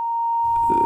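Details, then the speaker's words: Simulated tinnitus: a steady, piercing pure tone imitating the most common type, a long, high-pitched, irritating ringing. "The most common is a high-pitched sound, long and high and irritating."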